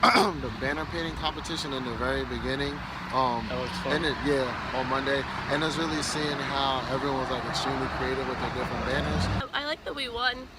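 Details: Adult speaker; normal voice.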